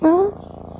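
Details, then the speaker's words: A brief voiced sound gives way to a soft, rapid, rumbling pulse like a motorbike exhaust: a pet cat purring. "guys di sini Siapa yang kucing peliharannya suka mendengkur guys atau mengeluarkan suara semacam knalpot motor yang ada di video ini guys Coba kalian dengarkan baik-baik"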